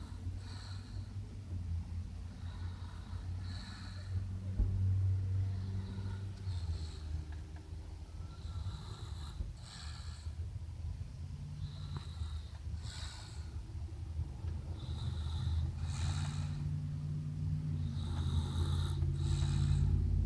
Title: 2018 06 23. Snoring.